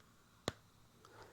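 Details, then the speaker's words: A single sharp click as oxygen tubing snaps into the inner aspect of an Oxyllow face tent adapter, confirming the tubing is locked tightly; oxygen tubing connector click. "this system actually has a clicking mechanism so it goes on the inner aspect and you'll hear the click"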